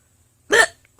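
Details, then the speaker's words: Woman hiccuping while speaking softly, saying running around and stress sometimes give her hiccups and make them last longer: a single abrupt, sharp hiccup with a brief voiced catch. "I think um running around and being stressed out um sometimes gives me hiccups I don't know why I don't know why that would be the case but it is and then if I'm stressed they tend they tend to last longer"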